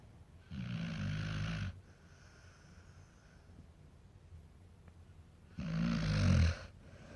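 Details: Sleeping American Akita dog snoring: two loud, low rumbling snores about five seconds apart, with quiet breathing between them.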